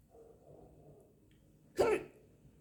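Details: Woman hiccuping after lunch: a single abrupt, voiced hiccup against quiet room noise.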